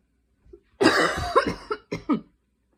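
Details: Night coughing fit at 12:30 am while unable to fall asleep: short burst of about four harsh, throaty coughs in quick succession in a quiet room.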